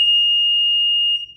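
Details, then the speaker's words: Loud, steady, high-pitched continuous tone from an infant apnea monitor, signalling an equipment problem unrelated to the baby, explained in Spanish instruction; apnea monitor equipment alarm. "ahora aún hay otro tipo de alarma que ocurre que no tiene que ver nada con el niño"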